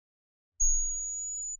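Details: Steady, very high-pitched pure tone of about 7 kHz lasting about one second, with a low thump at onset and cutoff, played during a hearing-protection lecture on noise-induced hearing loss: high-frequency test tone.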